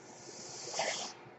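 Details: Mechanical ventilator that a podcaster says is his own, audible while he talks: a soft, steady hiss swells into a brief whoosh of airflow and fades over faint room noise, one ventilator breath cycle.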